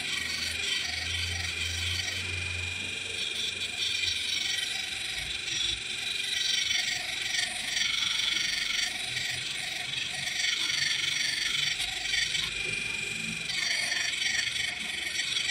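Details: High buzzing whine with scraping and rattling against the teeth from an electric ultrasonic scaler used at home to remove coffee stain and tartar from lower teeth, mildly sensitive in some areas; soft background music.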